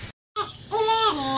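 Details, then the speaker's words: Brief, sudden wail after a short silence from a newborn boy about five days old, born December 13 after his mother's blood pressure spiked, kept in neonatal intensive care until December 17, now doing well; ordinary newborn cry. "ayun na nga bigla ng umiyak na bata Aba tumigil pag-iyak"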